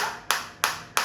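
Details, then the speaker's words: Sharp, regular clicking pulses about three per second, each fading quickly, as a focused (not radial) shockwave therapy device, rated up to 7 cm depth, starts firing and intensity is gradually increased, with the pulses felt in the operator's hand. "तो जैसे ही मैं इस पर click करूंगा आप देख सकते हैं मैंने क्लिक किया ये स्टार्ट हो गया। [प्रशंसा] देखो बिल्कुल फोकस शॉप आ रही है फाइल उसकी मेरे हाथ में बिलकुल फील हो रही है।"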